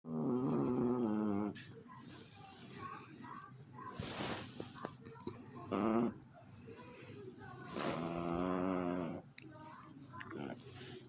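Loud, rumbling snores from a sleeping dog, three long drawn-out breaths with snorting quality and quieter breathing between.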